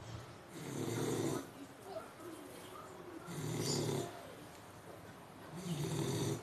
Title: The snoring american bully